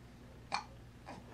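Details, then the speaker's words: Baby girl with hiccups while smiling: two soft, abrupt hiccup sounds about half a second apart over room noise; common, harmless infant hiccups. "oh we got hiccups we got hiccups let's get you up right uh oh hiccup you can smile through the hiccups right"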